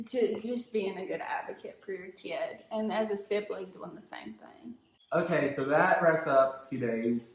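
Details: Adult woman speaking; typical speech.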